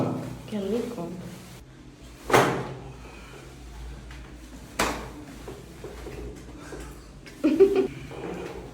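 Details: Joint cavitation during a chiropractic full-body adjustment of a couple: three sharp cracking pops, with faint voices and room noise between them.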